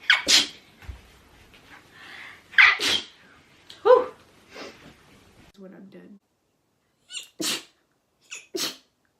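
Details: Repeated sneezing in a girl: a run of sharp sneezes, some paired, with snorts, laughter and a little talk between them.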